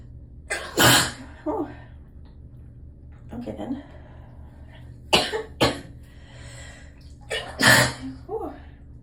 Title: Confusing my brain….and then just sneezing ¯\_(ツ)_/¯